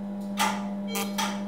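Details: Pulsed CO2 laser treatment of photoaged skin (heliodermia) in a former smoker, first test impact to assess pain: brief snapping pops over a steady low hum.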